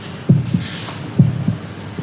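Steady lub-dub heartbeat, about 67 beats a minute, with a low hum behind it; a dramatized sound effect.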